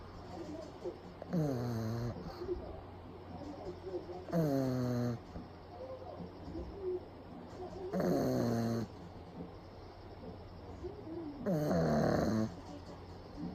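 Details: Pug napping in the daytime with eyes rolled back to the whites, recorded close up: loud rattling snores about every three to four seconds over a steady room hum, typical of a flat-faced dog.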